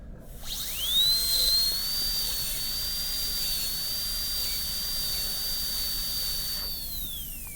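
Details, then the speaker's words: High-speed dental handpiece with 330 bur cutting toward the middle of the contact with the adjacent tooth in a tooth 19 MO composite preparation: drill spins up to a steady piercing whine with spray hiss, holds while cutting, then winds down. "Then as we get to the middle of the contact, we'll switch our position so we can see how close we are to the adjacent tooth"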